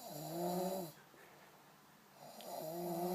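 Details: Two loud, buzzing, voiced snores with a quiet pause between them during sleep: snoring.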